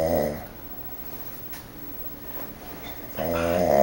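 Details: Zack snoring very loudly during sleep: two loud, throaty snoring breaths separated by a quiet pause.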